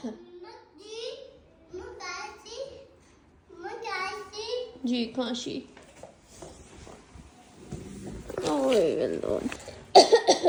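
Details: Toddler babbles and squeals in a small room, then an adult gives a few short, sharp coughs near the end; cough.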